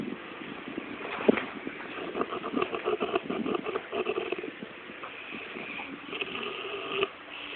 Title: Zzzz...this is how chuukese snore...lol